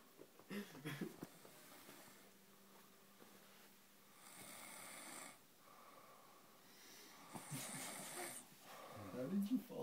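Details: Sleeper passed out in an awkward position: two soft, hissing snoring breaths against quiet room noise, with brief murmuring and rustling.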